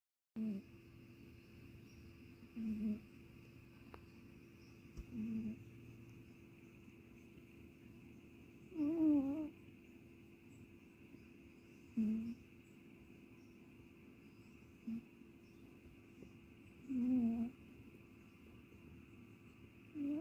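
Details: Ginger (orange) cat sleeping, giving short, soft, whistling snores at irregular intervals over a steady room hum; light snoring.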